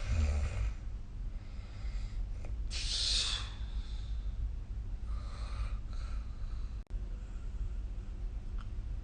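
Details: Soft, breathy snoring in a sleeping adult with a few faint rough breath sounds against low room hum, recorded with the SnoreLab app; snoring.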